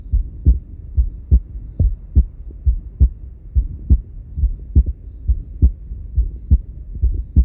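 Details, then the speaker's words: Heart heard through a Littmann Core digital stethoscope with the volume at about halfway: clear, regular low heart sounds with paired beats at about 70 a minute and little added noise. Normal heart sounds. "so it does have a pro in that if you do manage to get a nice balance you can actually hear the heart sounds really clearly without any added noises compared to say an analog stethoscope"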